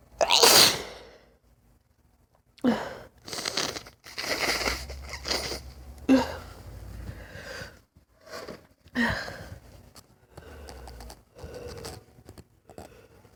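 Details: One loud sneeze, then repeated sharp inhalations and breathy bursts; lifelong sudden sneezing fits lasting 3-5 minutes for no clear reason, not allergies, no itch before or after; paroxysmal sneezing.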